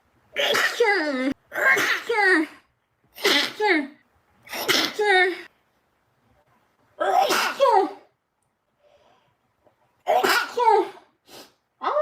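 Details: A Japanese girl stifling her sneezes: a run of about seven short, breathy bursts, each with a voiced catch, some paired in quick succession.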